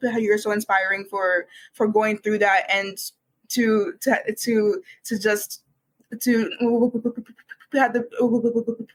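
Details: Real speech from a university student who has stuttered for as long as they can remember, began speech therapy in kindergarten, and calls it one of their hardest challenges until recently: stuttering.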